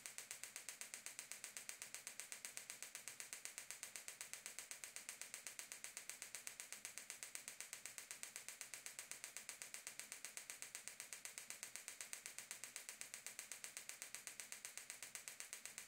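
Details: Gymna Shockmaster 300 extracorporeal shockwave, 15mm copper focused head, 3 bar, 2000 shocks at 8 Hz with ultrasound gel, applied to proximal plantar fascia origin at calcaneus for plantar fasciitis/bony heel spur: fast, steady, sharp ticking pulses.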